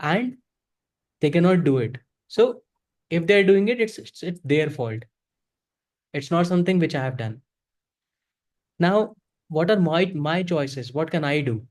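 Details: Adult man who self-identifies as a person who stutters and says he is very ashamed to stutter in front of people; real, unscripted speech showing stuttering.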